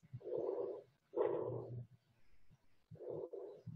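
Soft, low rustling breath sounds in regular cycles, with no added noises: normal vesicular breathing.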